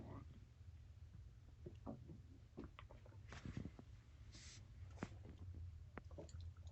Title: Stomach growling